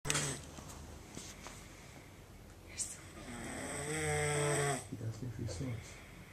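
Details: Adult man recorded asleep in Africa after denying he snores: long, low, rattling breath drawn in during sleep; loud snoring.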